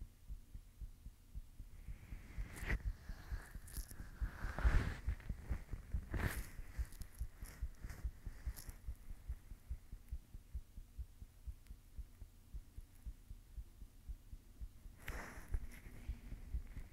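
Steady low thumping heartbeat with some rustling noise over it; an ordinary heartbeat.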